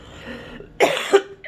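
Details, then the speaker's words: Older adult coughing, wheezing and congested after a work shift going in and out of a freezer; cough. "And oh my gosh, I didn't feel it while I was at work, but by the end of my shift, I was coughing, and I started to wheeze, and I'm still kind of congested, as you can hear."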